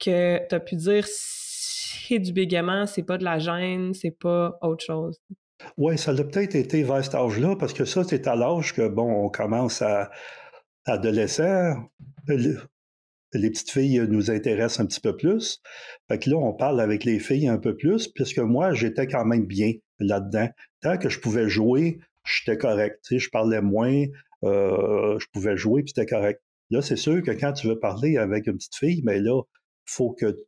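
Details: 64-year-old recently retired adult who stutters, who chose to change his relationship with stuttering after retiring, over a year ago; stuttering.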